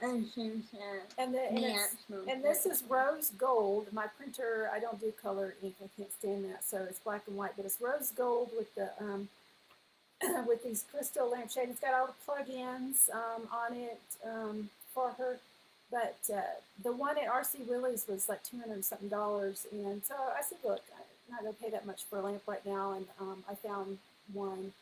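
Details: Adult woman speaking; ordinary speech.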